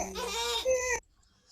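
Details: Inspiratory stridor in an infant with laryngomalacia, the most common presenting sign; definitive diagnosis by flexible fibreoptic laryngoscopy without sedation showing supraglottic collapse.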